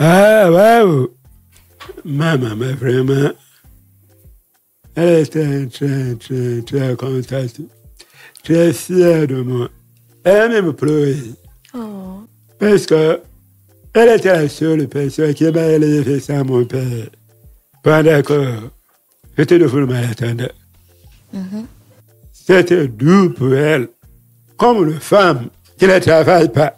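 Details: Deaf man who lip-reads, deaf since a childhood illness, who says his voice has not sounded normal since a childhood throat operation; speaking French; deaf speech.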